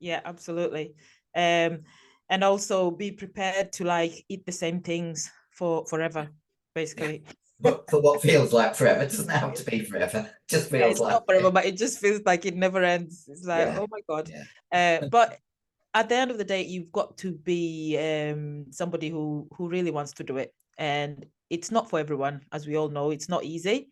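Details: Adult speaker; normal voice.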